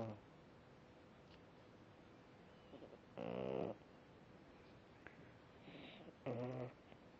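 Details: French bulldog snoring: two short, soft rattling snores about three seconds apart over quiet room noise during sleep.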